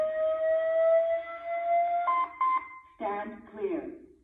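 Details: AED training overview on ventricular fibrillation: a steady rising electronic tone, then short beeps and a spoken prompt as an automated external defibrillator charges before delivering a shock.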